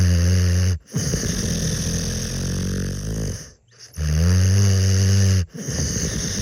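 Loud, low, rumbling snores with brief pauses for breath, about three snoring breaths heard; heavy snoring in a sleeping dog.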